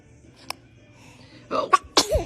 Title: Funny Babies SNEEZING 😅 Compilation 2021 - SOO Cute Baby SNEEZE Moments